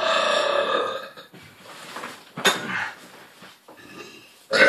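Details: A father burps for his 8-month-old daughter, who laughs at his burps: one long, loud, voiced belch, then quieter room sounds and a brief burst at the end. Ordinary burping.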